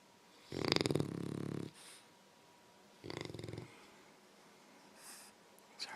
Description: English Mastiff and French Bulldog have a back and forth snoring contest